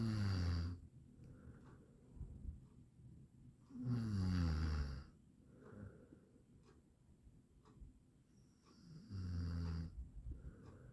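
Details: Deep, rattling snores about every 4 to 5 seconds with low snorting sounds between them; heavy sleep snoring from an 8-minute snoring sound-effect recording.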